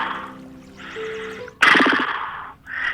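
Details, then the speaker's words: Imitation of catathrenia (expiratory sleep groaning), trumpet-like type: a buzzy, trumpet-like exhaled sound. "el caso de la catatrenia que es el sonido espiratorio eh son diferentes hay varios tipos pero los típicos son un silvido con o como un quejido más o menos como o como una trompetilla"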